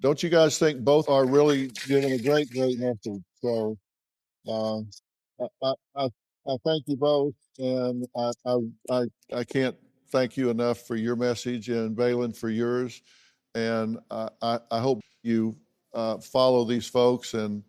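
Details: Adult woman speaking; normal speech.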